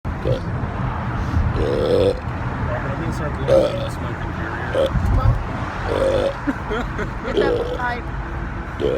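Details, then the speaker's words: Adult male burping out smoke: a run of loud, low, drawn-out burps, roughly six in nine seconds, with some background noise. "He's burping out smoke."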